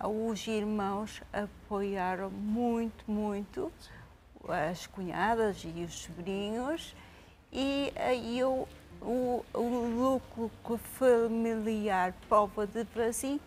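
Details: Adult woman with aphasia after a haemorrhagic stroke 5 years earlier, with right-sided paralysis; had lost all speech and is recovering with speech therapy; aphasia.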